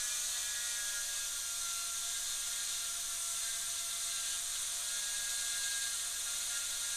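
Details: Dental handpiece: continuous high-pitched hiss and whir of the bur cutting, dropping the mesial box and extending the isthmus in a Class II MOD preparation on tooth 29, a mandibular second premolar; bench teaching demo.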